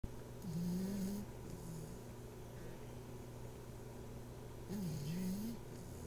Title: Snore Dog